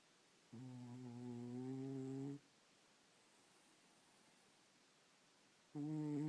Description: My cat snores loud